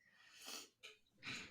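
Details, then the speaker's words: English bulldog snoring loudly in the background of a spoken conversation. "Oh, also, everyone, if you just heard that big snore, I have an English bulldog named Dolly. You're probably going to hear her snoring in the background."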